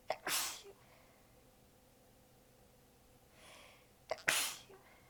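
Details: Part of a long sneezing fit; sneezer exhausted with sore abs, partly biting sneezes back: two sharp sneezes, each with a quick in-breath, with a quiet pause between them.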